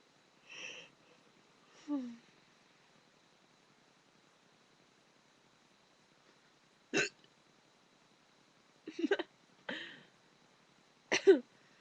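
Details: A person with burping hiccups makes several abrupt, sharp hiccup sounds, some burp-like, separated by quiet pauses; hiccups.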